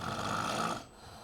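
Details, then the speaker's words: Snoring during sedated flexible nasendoscopy without local anaesthesia. The nose was decongested with a xylocaine-jelly-soaked gauze pack, and the scope was passed past the velum. A single rough, fluttering snore is heard as the palate collapses; minimal lingual tonsil, about grade one. "you hear the snoring I think hand mic is not working is it audible now sir"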